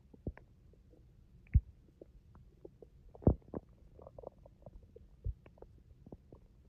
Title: My stomach growling rumble 😩